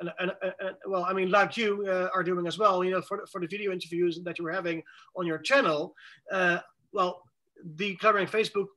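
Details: Adult man who says he has cluttering, speaking in conversation with fast speech, repetitions and fillers; cluttering.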